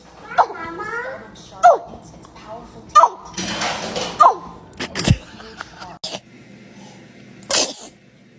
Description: These adorable babies can’t stop sneezing, and it’s the funniest thing you’ll see today! 😄 From tiny sneezes to big surprises, their little reactions will make your day brighter.